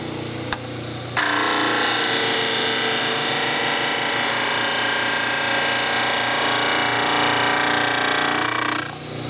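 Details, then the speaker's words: Dental model trimmer wheel grinding a plaster denture model during model prep, trimming a flat base and rough edges no more than halfway into the roll: loud steady grinding with a rapid rattling pulse beneath, starting abruptly and fading. "you want to trim off all the rough edges going into the area we would call the roll but not trimming more than halfway into that area because that's your finish line for the final denture let's get started trimming make sure the model is flat"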